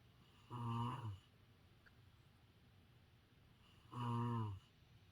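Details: Ordinary snoring, two low rattling snores on in-breaths about three seconds apart with quiet between, illustrating the English word "snore."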